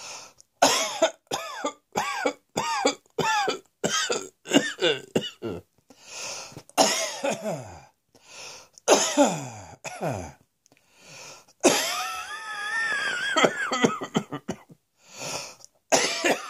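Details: Persistent bouts of coughing: many repeated harsh coughs in runs, some with a voiced, throat-clearing quality, separated by short pauses.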